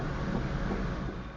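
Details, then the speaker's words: Fetal heartbeat heard by Doppler in a woman pregnant after fertility treatment, due in spring, baby's sex unknown; low rushing pulsing whoosh. "the heartbeat of her son or daughter even she doesn't know which but it's the surprise ending even a pandemic can't take away from her"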